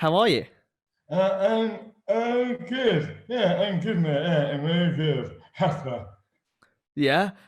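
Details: Adult man with dystonia; slurred speech began suddenly overnight after a night out on the May bank holiday 2008, without known cause; hands also affected; speech dramatically impaired; dysarthria from oromandibular dystonia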